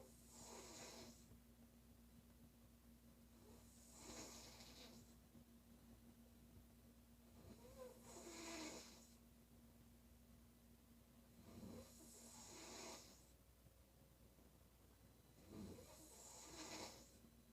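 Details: Woman snoring loudly: rasping snores on each breath, about 15 a minute, with some snorting and a steady background hum.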